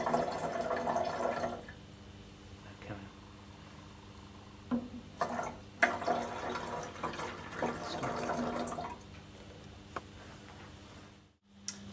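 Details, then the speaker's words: Splashing and trickling water poured into a container in a small room, with a few knocks: filling an underwater-seal chest drain bottle to the mark with sterile water. "so the chest train is connected to an underwater seal system which comprises of a a bottle and a connecting tube the bottle needs to be filled to the mark with sterile water"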